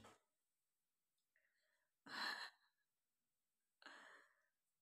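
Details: Sneeze deliberately set off by tickling the nose with paper: a brief sharp intake, then a loud explosive sneeze followed by a second, softer sneeze in a quiet room.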